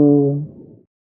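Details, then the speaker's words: Egophony over a suspicious chest area via stethoscope as the patient says "E"; with consolidation the "E" is heard as an "A", like a bleating goat. "When consolidation is present, the spoken "E" sound is audible as an "A" sound, similar to that produced by a bleating goat."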